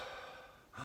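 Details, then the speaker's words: Gasping for air during sleep, imitated to demonstrate a sign of sleep-disordered breathing or sleep apnea: a long, noisy breath in ending in a sudden, sharp catch of air. "we're also looking for are you gasping for air and that would be something like this"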